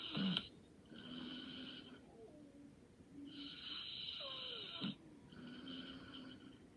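Soft, buzzing breath sounds during sleep, with a few sharper snorts between them: light snoring.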